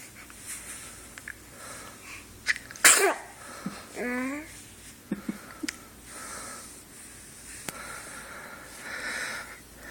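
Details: A single sharp, explosive sneeze followed by a short vocal sound, with faint room noise; recorded on a phone.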